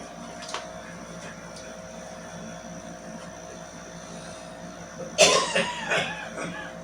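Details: Morning smoker's cough: after a quiet stretch, an adult gives a short bout of about three harsh, rough coughs.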